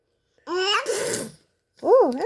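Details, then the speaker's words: Infant's playful fake sneeze that sounded real: a rising voiced 'ah' then a noisy burst, followed by babbling. "sounded like a real sneeze but it was fake"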